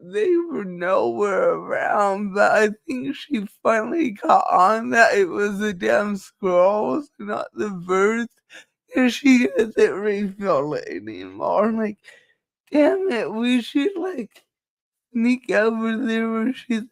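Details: Dysarthria due to cerebral palsy in a female speaker, who states it is why she talks this way and that nothing can be done about it.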